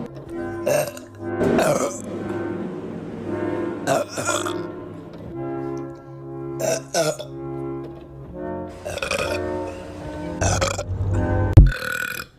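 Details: Daughter burping: several long, deep, resonant belches in a row, with a loud burst near the end, over background music.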